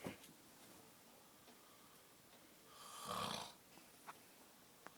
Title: The worst snoring on earth + Touching